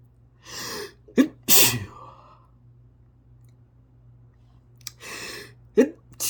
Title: chinkini sneezing fit